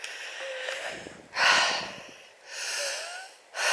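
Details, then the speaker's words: Heavy breaths with a thin whistling tone on two breaths while climbing a hill outdoors; expiratory wheeze in an adult who says they are very wheezy and attributes it to past strong pool chlorine exposure. "like i said very very wheezy at the moment you might even pick up the odd wheeze and if i cough that's a good thing"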